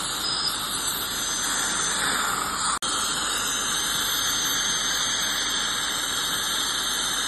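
Loud continuous high-pitched squeal and hiss of dental scaling and air-polishing instruments at work.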